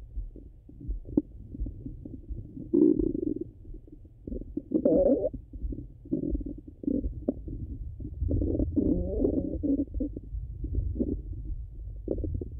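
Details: Low gurgling and bubbling rumbles in irregular bursts with some longer growls; ordinary bowel sounds of digestion.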